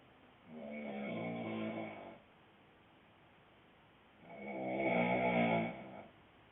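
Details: Boyfriend snoring: two loud, rattling snores on the in-breath, about four seconds apart, with quiet pauses between; loud snoring.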